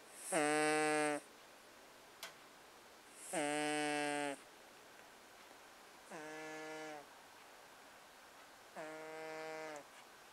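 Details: Cat giving four loud, buzzing, tonal snores, each under a second, at about 20 breaths a minute with quiet between; owner says it snores louder than most people; loud snoring.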